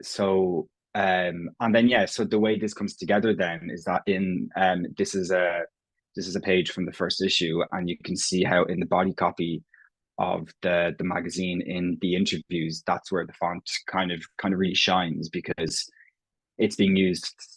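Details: Stuttering (stammering) in an Irish adult man who has stammered as long as he can remember; his own speech features prolongations, repetitions and blocks; genuine, unconcealed stammering in conversational speech.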